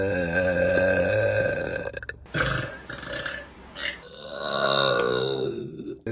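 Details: Burping compilation: long, loud, drawn-out belches with a deep vibrating tone, joined by a few shorter ones, faint background sound; ordinary burping.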